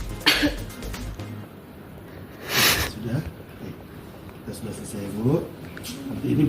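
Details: Voluntary cough by a woman patient in a nursing effective-cough exercise to clear phlegm: deep breath, hold, then a single forceful cough, with background music.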